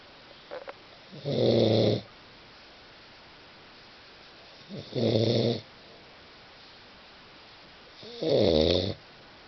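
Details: Snoring recorded July 09: three loud, rattling snores on the in-breath, about every 3.5 seconds, roughly 17 breaths a minute, in a quiet room.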